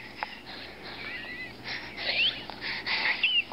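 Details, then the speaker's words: High-pitched whistling, squeaky breath sounds from a child in no obvious distress: stridor, an extrathoracic wheeze from upper airway narrowing, contrasted with intrathoracic expiratory wheezing. "actually kind of an extra thoracic wheeze"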